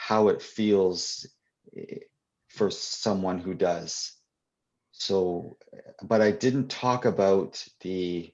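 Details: Adult poet and children's author who stutters, answering questions in a live Q&A at a 2021 convention for people who stutter; real, not acted; stuttering.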